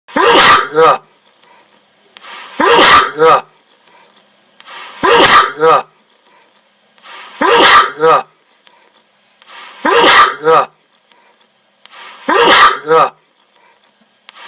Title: Hwoarang keep sneezing 🐽